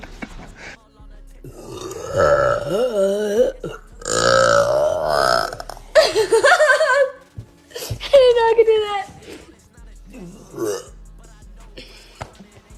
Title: #burpgirl #burp #burping #burpqueen #belch #belching #eructo #eructos #rutto #arroto #rülpsen